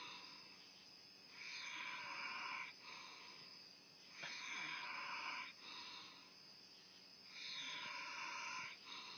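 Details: Man passed out drunk, snoring in his truck: rhythmic hissing, rasping breaths about 10 a minute over a steady background hum; snoring.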